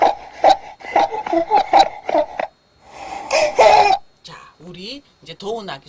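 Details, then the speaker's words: Newborn crying from being overheated: breathy, panting fussing with an 'h' sound like laughing and no straining. "소리 들어보셨는데 확실히 h 발음이 조금 있죠 그래서 하고 웃는 소리 들립니다"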